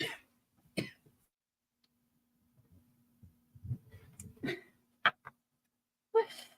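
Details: A few scattered short coughs and throat clears from a person on a livestream, separated by quiet, with faint room hum.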